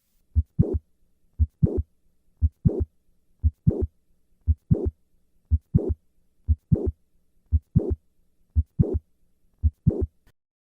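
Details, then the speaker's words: Mitral valve prolapse murmur, heard standing then softening with squatting; regular heartbeat near 58 per minute. "The murmur of mitral valve prolapse decreases with squatting. Listen to the change of this murmur with a squat maneuver."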